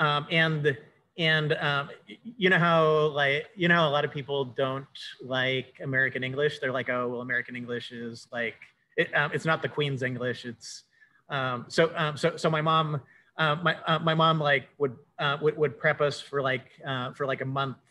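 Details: Cluttering in an adult male speaker who says he has cluttering.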